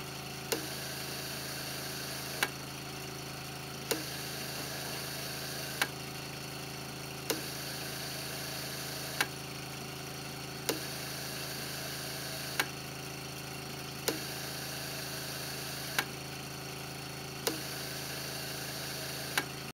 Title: Blackhawk Innovation Infant Ventilator Test